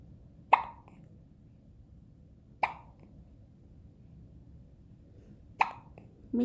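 Three sudden, sharp hiccups a few seconds apart against quiet room noise.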